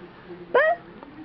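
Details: Newborn baby on her second day of life with hiccups: a single brief, abrupt voiced hiccup against quiet room noise.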